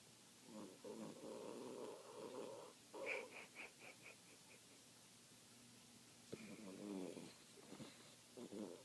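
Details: A sleeping papillon dog snoring, reportedly worse before filming began: rough, rattly sounds on the in-breath, separated by quiet pauses.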